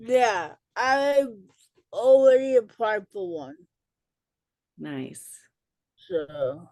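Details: Dysarthria in an adult woman with cerebral palsy, an educator and author, who says listeners may not understand her and that she talks differently.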